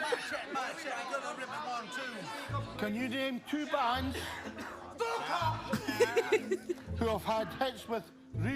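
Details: Person with Tourette syndrome at a Tourette's camp, reading a quiz question interrupted by vocal tics: Tourette syndrome vocal tics.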